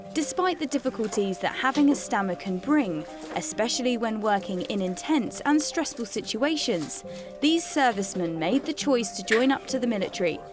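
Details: Adult narrator; fluent speech.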